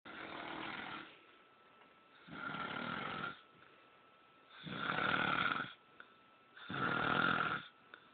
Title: Snoring.3gp